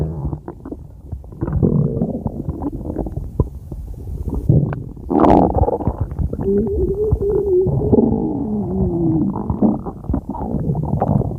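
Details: Stomach growling (borborygmi): continuous low gurgling and rumbling with a drawn-out groaning stretch.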